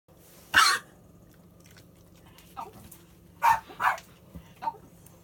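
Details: Dog recorded July 2017 gives one loud harsh cough, then a short cluster of smaller coughing bursts: cough.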